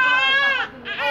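An infant's high-pitched, tonal cry, one long wail that falls away, then a brief pause and a new cry.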